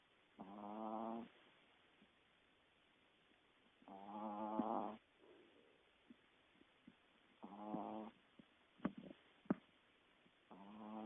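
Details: Sleeping pet snoring: slow, buzzing, nasal snores on each breath with quiet gaps between, plus a few soft clicks.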